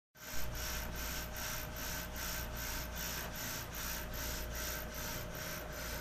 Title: Suction Pump Hospital Grade